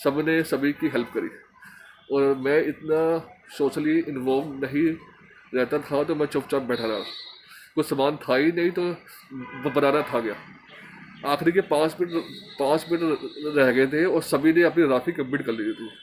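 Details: Stuttering in a Hindi-speaking man from Delhi who stammers, a member of an Indian stammering association, recording an emotional-recovery course task.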